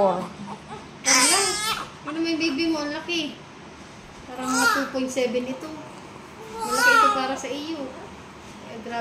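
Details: Newborn baby girl weighing about 2.7 kg, born to a 4-foot mother, crying just after delivery: repeated high, wavering cries separated by short pauses, a vigorous cry at birth.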